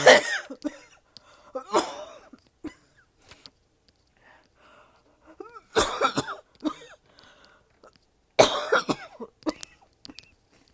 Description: I don't know if this is the worst cough I have so for or not. It is very painful in my throat and my chest.